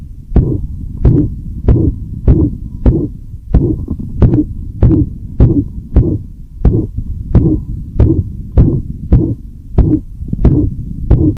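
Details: Dog heart auscultated and recorded through a stethoscope: regular heartbeat about 100 a minute with a low continuous whooshing between beats; heart murmur.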